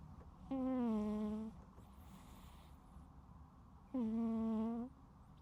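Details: Snoring in a sleeping cat: two drawn-out, buzzy, tonal snores about three seconds apart; ordinary harmless snoring.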